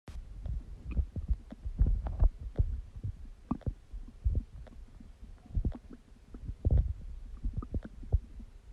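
Irregular low gurgles and soft thuds, recorded close to the belly: digestive bowel sounds.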